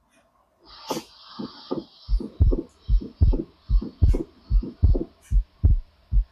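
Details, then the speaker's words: Teaching audio clip of regular heart sounds, about 74 a minute, with the second sound heard as a brief double beat: normal physiological splitting of S2. "Remember so here is a I have kept the audio clips also. You can just hear this is normal split second sound."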